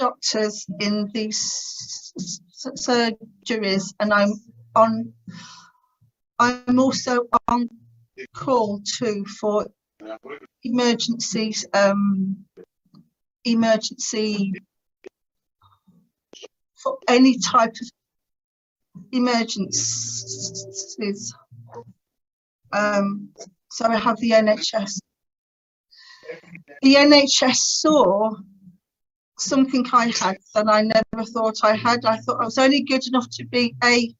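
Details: Adult woman who has stammered since about age three, severe in her teens, who later attended the Starfish Project speech therapy course to gain control over it; stuttering.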